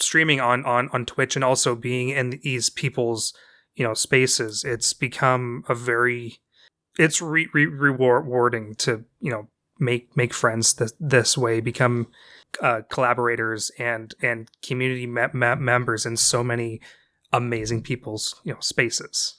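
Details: Stuttering (dysfluent speech) in an adult woman with a self-described speech impediment, who has difficulty getting past sentences or phrases and elongates vowels.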